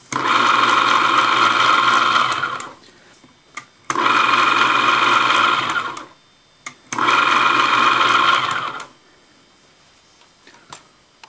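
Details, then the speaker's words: Three bursts of steady buzzing motor noise, about two seconds each, with clicks between, from a vintage 1992 WaterPik water flosser, repaired and running, its pump moving rapidly back and forth, not in use on teeth. "When it's released and goes up, it's on. So you can see how this very rapidly moves this pump back and forth."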